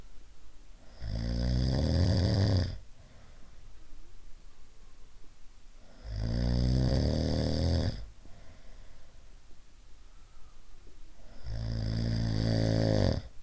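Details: Loud rattling snores on each inspiration, about three in thirteen seconds, with quiet expirations between; different types of snoring.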